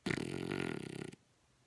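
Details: Dog in very deep sleep, possibly REM, with suspected sleep apnea: a single buzzing, fluttering snore about one second long; snoring.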